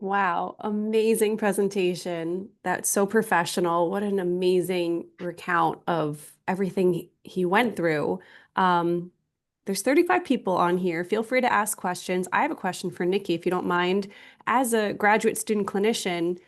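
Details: Adult woman speaking; ordinary fluent speech.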